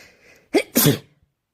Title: sneezing while working on the end of the semester test